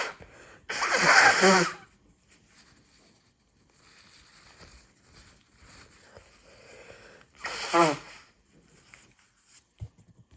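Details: Person with excessive hay fever this month, after cutting the grass; one of two sneeze attacks: two loud explosive sneezes with softer sniffing and nasal sounds between; sneezing.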